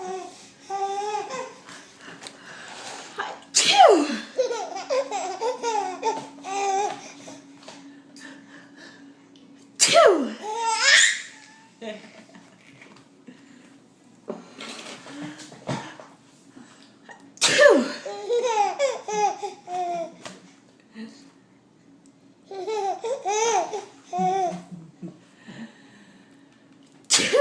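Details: Infant sneezing: three sharp sneezes, with babbling and laugh-like vocal sounds between them.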